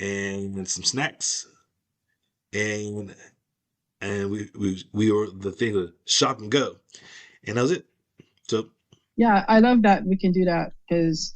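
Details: Aphasia after a stroke in an adult woman; speech shows word-finding pauses, restarts and repetitions.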